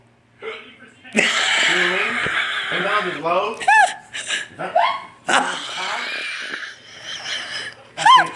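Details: Adult man's hiccups: several sudden, high, squeaky gulping sounds, likened to a little girl's, mixed with laughter and talk.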